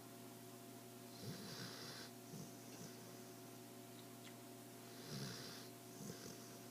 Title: Diesel snoring